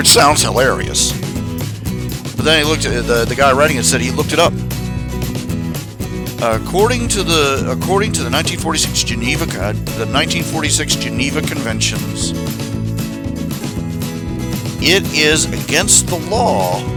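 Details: Adult man who says he stutters all the time; stuttering.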